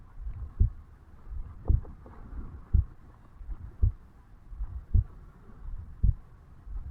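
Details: 35-year-old male, heartbeat self-recorded over the mitral valve area on waking in the morning: regular low thumps at about 55 beats a minute with some rustle and wind-like noise; normal heart sounds.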